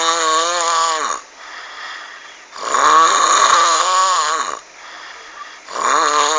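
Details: Very loud, harsh snoring on each inward breath, about 19 breaths a minute, with quieter outward breaths between; heavy snoring described as frightening "tyrex" snoring.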